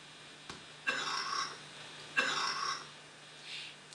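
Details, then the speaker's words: Pediatric respiratory assessment example of a loose cough: two harsh, gurgling bursts with a wet, rattling quality; wet, productive cough with secretions. "if the patient patient has a wet or productive cough with secretions we refer to it as loose here is an example of a loose"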